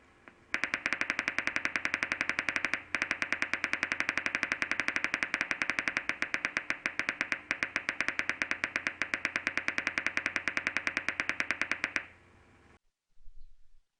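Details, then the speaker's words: Single-fiber EMG: rapid, regular, sharp, crisp clicking discharges, steady throughout the effort; mean interpotential interval 480 microseconds, MCD and MSD 10 microseconds, jitter 10 microseconds, which is low normal jitter. "the mean in a potential interval is 480 microseconds both MCD and MSD are ten microseconds the jitter is recorded as 10 mi"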